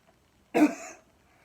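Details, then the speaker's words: One short, forceful cough demonstrating the counter-rotation assisted cough, an airway clearance technique. "and then counter rotation with the coffee it's going to be like it's"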